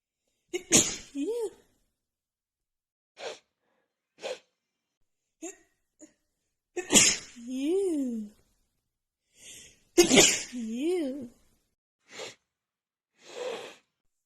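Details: Woman's non-stop sneezing fit after about an hour outside in snowy cold, nose runny, with dust also blamed: about three strong sneezes among smaller ones, gasping in-breaths between.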